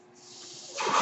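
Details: Speaker's own mechanical ventilator, heard in the background while the user talks during a podcast recording; a mechanical ventilator breath cycle.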